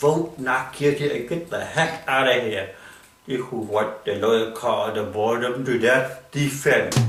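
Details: Comedian with cerebral palsy performing stand-up; dysarthric speech in cerebral palsy.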